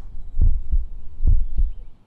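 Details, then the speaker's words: Healthy shelter dog, Benji, heard through a vet's stethoscope during a pre-adoption check: two clear steady lub-dub beats at about 70 a minute, normal healthy heart sounds. "A very healthy heart sound and it goes like lub dub,"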